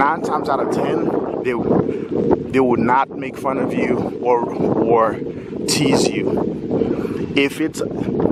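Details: Stuttering in a 46-year-old adult speaker who has lived with a stutter his whole life.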